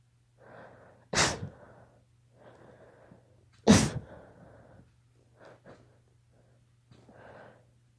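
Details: Child (daughter) allergy sneezing: two sharp, forceful sneezes, each preceded by a breathy intake, with soft breaths between.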